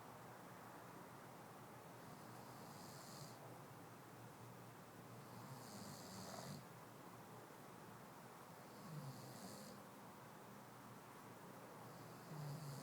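Rough, rattling snores on each breath in, about 17 a minute, over steady room hiss; ordinary snoring.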